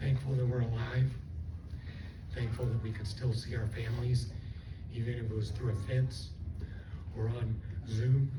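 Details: Adult woman after stroke with left vocal cord paralysis and one working cord; the cords do not seal, so she takes breaths while talking. She also has swallowing loss and left facial paralysis. Dysphonia from unilateral vocal cord paralysis.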